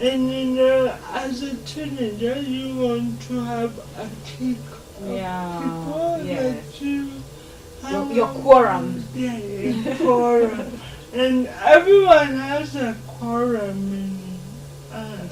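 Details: Dysarthria in a 26-year-old woman with lifelong cerebral palsy; her speech makes her hard to understand.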